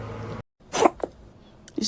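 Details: Cat hiccups, possibly after eating too fast: a few short, soft, jerky bursts after a quiet stretch.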